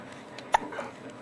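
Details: Newborn baby boy, 4½ weeks old, with hiccups while trying to coo at his mother; one short, sharp hiccup sound against quiet room noise; hiccups.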